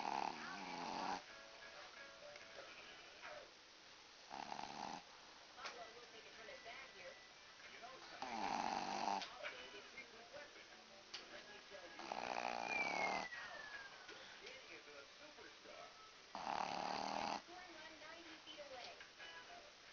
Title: The world's loudest snoring dog (Rocky)